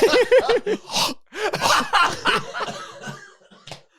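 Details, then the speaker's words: A burst of several quick coughs, turned away from the microphone, from an adult who is sick with an illness, during a podcast conversation about coughing and sniffing. "what did you think of how I handled myself when I was coughing there then"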